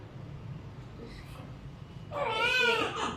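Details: Newborn baby boy just after a normal clinic delivery, a first baby born with a cord coil around the neck: quiet room noise, then a loud, high-pitched, wavering newborn cry.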